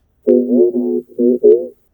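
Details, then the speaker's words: Simulation of the phrase "Do you like camping?" as heard by a cochlear implant user, buzzy, synthetic and narrowed, Munchkin-like, contrasted with normal hearing: cochlear implant hearing simulation. "O primeiro seria para um paciente normo-ouvinte e o segundo seria para o paciente usuário de implante coclear."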